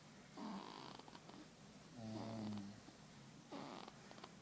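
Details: Sleeping baby, September 2012: soft, irregular snorting breaths, three noisy voiced snores in about four seconds, light infant snoring.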